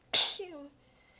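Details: Single sharp, hissing sneeze with a short voiced tail, somewhat muffled and held back. Part of a massive sneezing fit; the person is exhausted with sore abs and stifling the sneezes. The fit was recorded across clips in changing positions.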